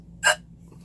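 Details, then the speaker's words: A person who has the hiccups gives a single short, sharp hiccup in a quiet room; an ordinary hiccup. "so I have hiccups so I was gonna try to record them right now let's see how long they last"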